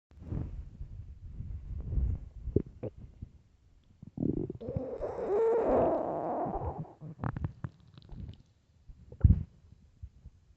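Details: Early-morning stomach growls: low rumbling and gurgling rise into a long, squeaky, drawn-out growl, then fade to soft bubbling; ordinary borborygmi.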